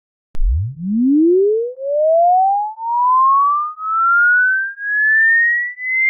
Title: HEARING TEST | How Old Are Your Ears ?